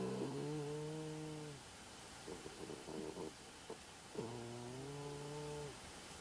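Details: Pet anteater sleeping: two drawn-out, buzzing, tonal snores with soft snuffling between them; snoring.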